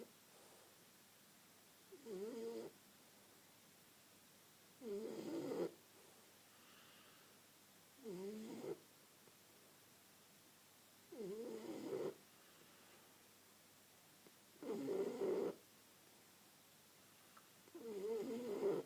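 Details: Bosie resting, described as struggling for oxygen as usual: regular snorting snores on in-breaths during sleep, about six in 19 seconds, roughly 18 a minute; snoring.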